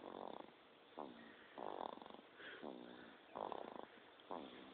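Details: Rhythmic rattling snores, about six in under five seconds, with a fluttering quality on each breath: snoring, recorded on a mobile phone.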